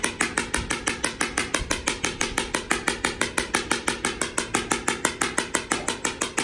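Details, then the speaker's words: Extracorporeal shock wave therapy on a lightly sedated, nervous mare with a slow-healing small skull fracture and bony callus from a suspected kick; 500 shocks to a small area: loud regular mechanical knocking, about 120 pulses a minute. "she just has a little bit of sedation on board so once we start the treatment it's pretty noisy the treatment is based on number of shocks typically horses get a thousand to 1,500 shocks"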